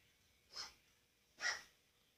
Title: coughing